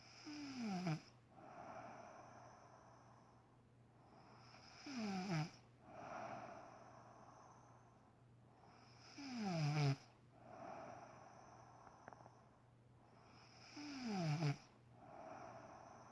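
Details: Adult woman asleep at 6am, waking her husband: loud rattling snores on each in-breath, about 13 a minute, with quieter out-breaths between: ordinary heavy snoring.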